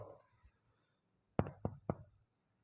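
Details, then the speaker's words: Practical-exam respiratory physical examination, percussion of the patient's back comparing right and left sides: three hollow, low thuds from tapping the chest wall, a normal resonant (sonor) percussion note. "Oke selanjutnya saya akan melakukan perkusi di bagian belakang kita bandingkan antara Pak bagian kanan dan bagian kiri"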